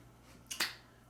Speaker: my dog sneezes you hear that